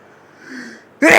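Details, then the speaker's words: A soft rising in-breath leads into one loud explosive sneeze, cut off at the end. It is recorded outdoors by an adult who says being outside sets off their allergies, with an itchy, stuffed-up nose and repeated sneezes. "oh my nose is so stuffed up oh oh jeez oh man oh boy"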